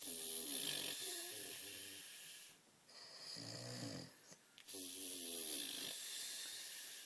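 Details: Adult man snoring, also dribbling: three loud, buzzing snores with a rattling, tonal vibration, brief quieter breaths between, steady background hiss; snoring.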